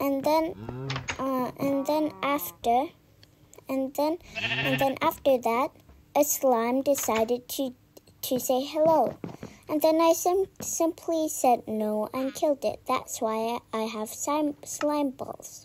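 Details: Speaker who self-reports stammering, with repeated words and phrases; stammering.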